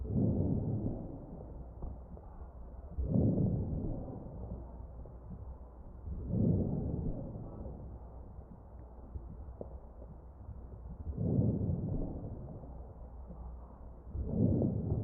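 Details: Crackles heard over the chest of a patient receiving mechanical ventilation.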